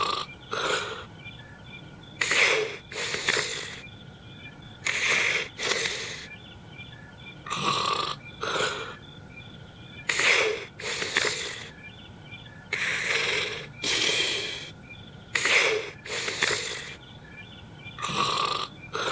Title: Boodoo is sleeping and snore did woke up